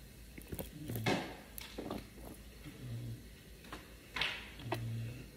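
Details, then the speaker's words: Pet dog snoring: owner's little female dog snoring while asleep. "esta mi perrita roncando la escuchen"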